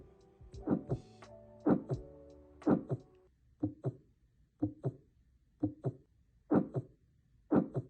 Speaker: heart murmur sound like whooing or blowing and are caused by turbulent blood flow across the heart vales